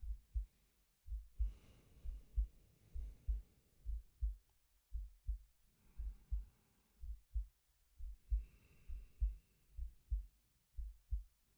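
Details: Steady, low double thumps at about 66 a minute with slow, soft breaths rising and falling over them, recorded from a male as a sleep-aid ASMR; heartbeat with breathing.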